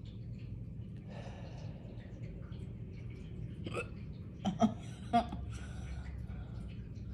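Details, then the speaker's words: Prolonged hiccup attack: three or four sharp, abrupt hiccups that each sound different, some with a small squeak, over steady low room noise. "i'm keeping you guys here until the last hiccup kickouts that was a cute one did you hear the squeak why are they all different"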